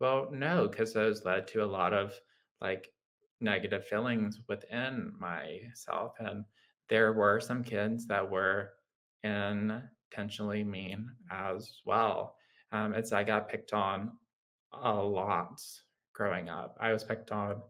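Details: Adult man with lifelong childhood apraxia of speech, a neurological motor speech disorder affecting motor planning, rate and fluency, with pauses, delays, blockages and groping for words; childhood apraxia of speech.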